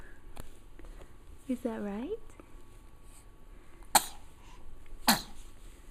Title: Sneezing Makes Happy